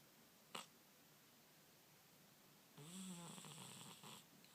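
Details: Deeply sleeping cat that won't wake up: a brief snort, then a single low, rattling, human-like snore on an in-breath in a quiet room; snoring.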